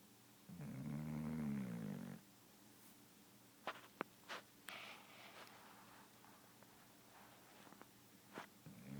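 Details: A sleeping dog gives a single low, rumbling snore, then quiet with a few clicks and rustles while the owner messes with him; snoring.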